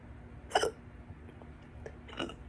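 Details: Stubborn, loud hiccups that went on for a couple more hours after this, while trying to get rid of them: two abrupt gulping hiccups about 1.5 s apart, the first louder, over low room noise.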